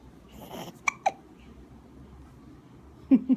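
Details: An infant boy gives about four short, abrupt hiccups with quiet breathing between them while he discovers his fingers and hands.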